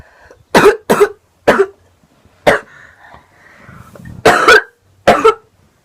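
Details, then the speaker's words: Young woman with a lingering cold, coughing while smoking; six sharp coughs, several in quick pairs, with quiet breathing between: repeated cough. "I almost just coughed into the bowl and made it go everywhere."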